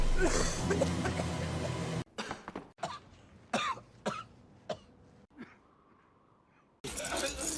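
Acted film coughs: several short, sharp coughing bursts amid scene noise and background sound.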